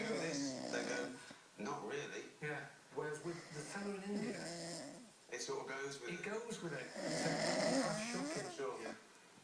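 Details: Sleeping man snoring: rough, rattling breathing noises in repeated bursts, some with a voiced, groaning quality.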